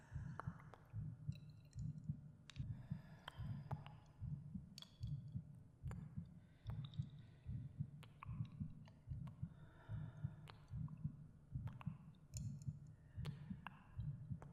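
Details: Real recorded heartbeat of an adult narrator, binaural ASMR audio with breathing: soft, regular low thumps at about 74 a minute, faint breathing and small clicks; normal resting heartbeat.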